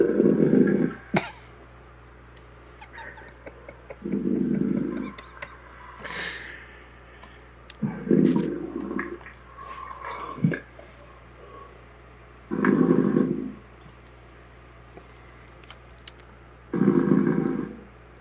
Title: Planet 500 snoring